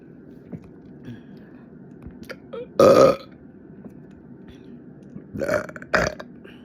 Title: ⚠️Burp Montage🫧⚠️: covert burps, quiver burps, gurgly burps #burps #bigburps #burping #loudburps